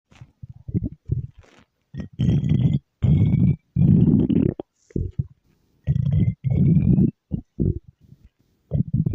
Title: stomach growl